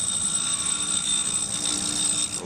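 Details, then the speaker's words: Dental lathe wheel grinding an acrylic appliance until the maxillary lingual cusp imprints nearly fade, leaving about 3 mm of acrylic; steady high-pitched grinding whine. "wheel and we hold the appliance against the side of the wheel like this until the center row of the pressure of the lingle cus of the maxillary teeth are almost gone so we keep putting it against the side of the wheel until they just about fade away"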